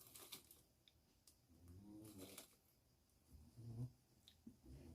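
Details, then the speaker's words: Pet snoring while asleep during the day: soft, low rumbling snores, two breaths heard, in a quiet indoor room. "vous entendez des ronflements derrière c'est mon petit Pollux qui se tienne c'est de la journée fais dodo"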